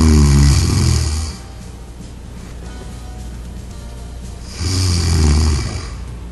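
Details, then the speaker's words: Two deep, vibrating snores on the in-breath, roughly four seconds apart, with music underneath, in a demo of an anti-snore pillow that detects snoring sounds and shifts; loud snoring. "through the shifting operation again the entire process is repeated until no more snoring sound is detected"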